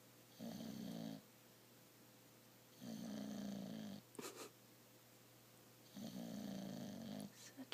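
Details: Sleeping person snoring: three long, rough, droning snores on slow inhaled breaths roughly every three seconds, about 20 a minute, in a quiet room.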